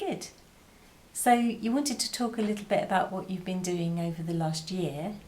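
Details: Adult woman speaking; normal speech.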